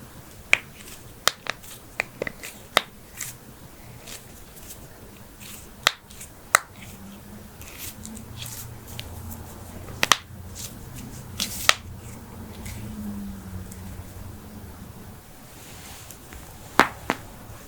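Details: Sharp, isolated pops and cracks in a quiet room from a head-to-toe compilation of joints cracking (knuckles, backs, necks, toes, ankles, hips, wrists, jaws); joint cracking (cavitation).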